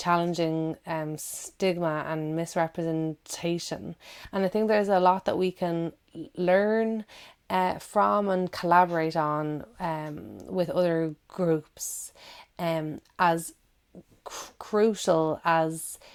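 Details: Adult woman who stammers, with audible word and syllable repetitions; stammering (stuttering).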